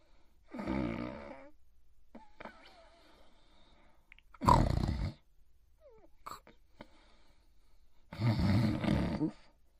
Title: Itchy Itchiford Sleeping & Snoring In His Bed Part 2